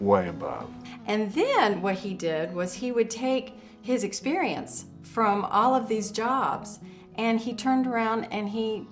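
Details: Adult woman speaking, music in background; ordinary speech.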